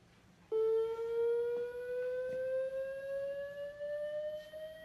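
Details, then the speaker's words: AED training demonstration, after the analysis and "stand clear" prompt: a steady electronic charging tone rising in pitch, meaning the defibrillator is loaded and ready to deliver a shock. "okay so once this continues loading you're gonna hear it start to go bbbbb that means it's ready to shop"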